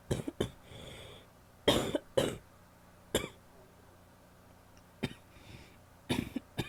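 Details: Female wet cough: about eight loose, rattly coughs in short bursts with brief breaths between, productive-sounding.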